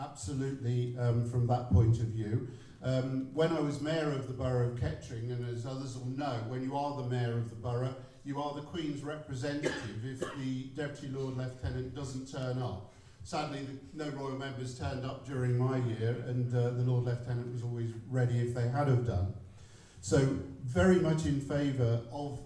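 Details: Adult man speaking; no speech disorder.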